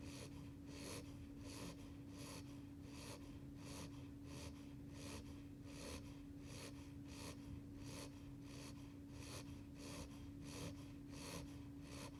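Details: Beagle puppy just over 8 weeks old, asleep during a nap: quick, regular snuffling breaths about 80 a minute over a steady hum, light snoring.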